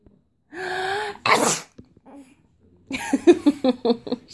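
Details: Deliberately faked sneeze: a drawn-out voiced intake, then an explosive sneeze burst and short panting sounds; sneezing.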